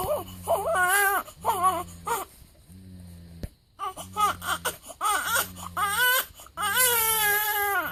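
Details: Repeated short bursts of crying with breaths between them from a 7-day-old newborn baby boy in a quiet room, on his first day home.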